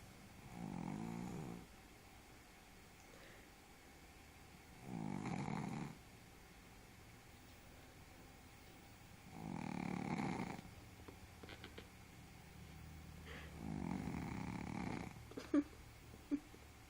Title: Just a snoring doggy day lol omg